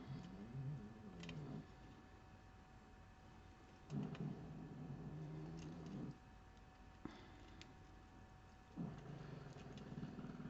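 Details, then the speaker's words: Dogs lying contentedly in a warm room, heard snoring: snoring. "entendez toutô ronflé là ils sont bien les chiens sont venus avec moi là"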